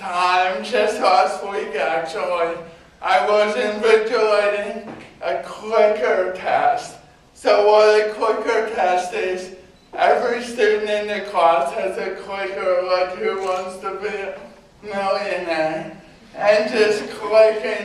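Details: Adult man with cerebral palsy giving a real talk about his own life; dysarthria (cerebral palsy).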